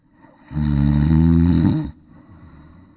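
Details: A cat snoring in deep sleep: a single long, low rumbling breath with a steady vibrating buzz that stops abruptly.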